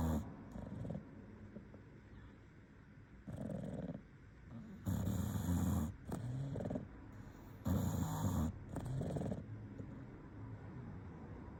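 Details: Sleeping English Bulldog snoring.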